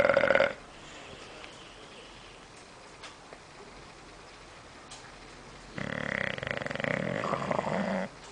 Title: Bulldog roncando Bulldog Snoring